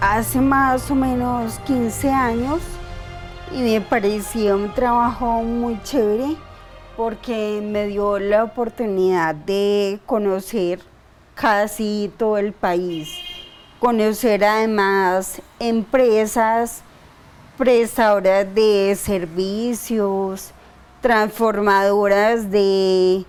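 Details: 42-year-old woman diagnosed 10 years earlier with idiopathic cerebellar ataxia, with episodes of slurred speech, involuntary tongue movement and daily speech therapy; ataxic dysarthria.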